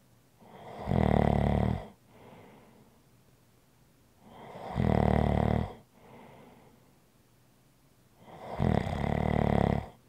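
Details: ASMR relaxation recording: loud, rumbling snores on each inhalation with softer breathy exhalations, about 15 breaths a minute, in a quiet room. Snoring.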